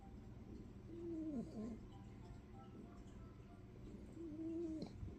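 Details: Corgi puppy asleep, snoring: soft, high whistling sounds on two breaths a few seconds apart over faint room noise.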